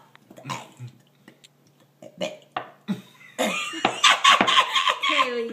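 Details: Voluntary burping: several short throaty bursts, then a long loud drawn-out belch, with voices in the background; burping.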